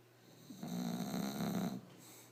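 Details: Sleeping English Bulldog with a single loud, rattling inspiratory snore and a vibrating, fluttery buzz lasting about a second; snoring.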